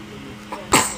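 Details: Baby sneezing during play with raspberries and giggles: a single small, sudden sneeze burst after a faint catch of breath; sneezing.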